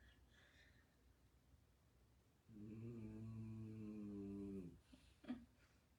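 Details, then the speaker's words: Dog snoring, likened to a little piggy, heard in the background during a foam rolling workout. "You can hear my dog snoring."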